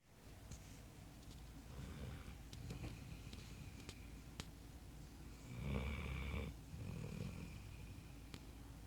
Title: Butters snoring